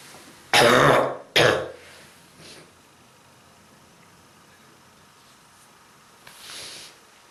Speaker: pain. Pain on my throat and on my chest because of this strong bronchitis.